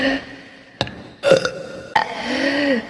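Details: Several loud, rumbling burps in close succession, the last one drawn out; a burp compilation, reportedly while drunk.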